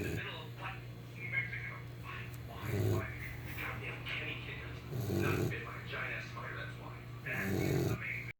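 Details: Sleeping Saint Bernard dog: loud, rough snores, about four in eight seconds, with quieter breathing between: snoring.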